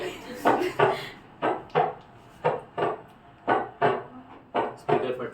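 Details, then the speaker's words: Recorded normal heart sounds played through a speaker in a classroom: paired lub-dub first and second heart sounds at about 58 beats a minute. "इसको हम लोग है ना ये stethoscope पे सुनेंगे, थोड़ा हल्के से सुनाई देगा, बट ये आवाज को अच्छे से याद कर लो।"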